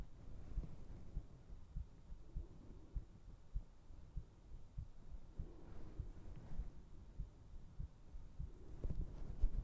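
Soft low thumps repeating steadily, roughly 100 a minute, under a faint hum, an ordinary heartbeat.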